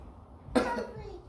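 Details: A young child fakes a cough to get syrup: one short, voiced cough, a deliberate voluntary imitation rather than an illness-driven cough.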